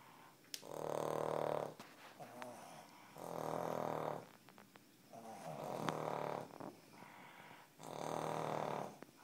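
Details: Cavalier King Charles spaniel dogs snoring in sleep; loud, rasping snores about 26 a minute with softer breath noise between. Snoring.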